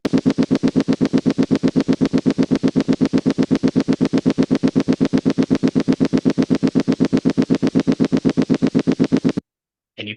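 Steady, machine-like buzzing pulses repeat about four times a second with identical rhythm, then stop abruptly: a slow, stable complex repetitive discharge on needle EMG.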